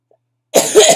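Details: Adult with chronic illnesses and asthma complications, now with bronchitis and on prednisone, gives one short, harsh cough with two quick pushes of air after brief silence: cough in acute bronchitis.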